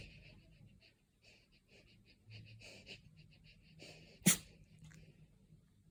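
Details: Dog's comfort sneeze: soft snuffling and breathing, then a single sharp, explosive sneeze.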